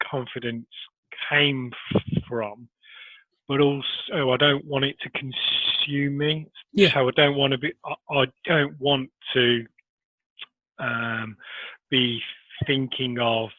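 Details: Adult man who has stammered since early childhood, with blocks and repetitions persisting despite Starfish Project technique; stuttering.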